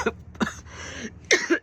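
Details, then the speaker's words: A few short, loose-sounding coughs from an adult on a morning walk who feels congestion in the chest; audible congestion, a productive-sounding cough with chest congestion. "Decided that I needed to get some hot coffee instead of cold this morning, because I could feel the congestion in my chest. Yeah, I know y'all can hear me every time I cough. You could hear the congestion, so."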